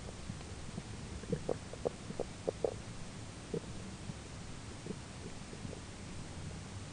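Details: Human stomach grumbling during digestion, roommate talking in background: faint, scattered gurgles and small pops over a hissy background, ordinary bowel sounds (borborygmi).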